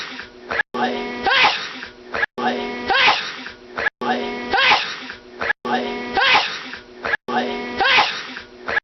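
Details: Male having a huge sneezing fit lasting about 10 minutes: a rhythmic run of similar repeated sneezes, about one every 1.6 seconds.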